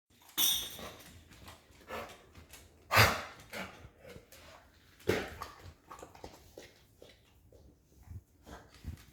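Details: A dog gives three sharp, harsh cough bursts a few seconds apart, with softer breathy sounds between them, in a quiet room: coughing.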